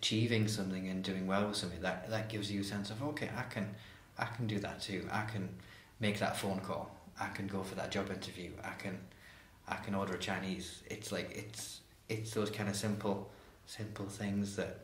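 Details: Adult man who stammers, openly discloses his stammer and attends therapy; stuttering.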